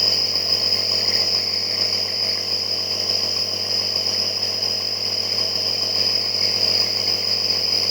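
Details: Child with a severe cough receiving nebulizer steam therapy to thin phlegm and ease breathing: a steady, loud, high-pitched buzzing hum of the nebulizer compressor running.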